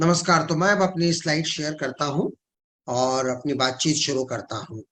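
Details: Adult man speaking Hindi; Normal speech.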